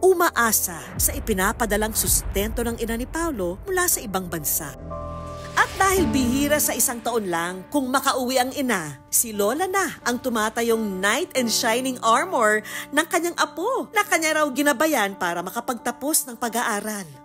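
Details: Adult female narrator; normal speech.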